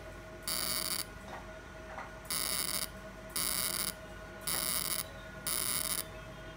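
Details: Fractional CO2 laser firing regular high-pitched buzzes, about half a second each once per second, on an accident scar on a man's hand after mesotherapy.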